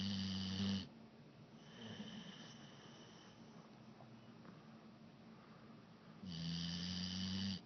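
Two long, loud, rumbling snores from a sleeping dog, separated by quieter breathing.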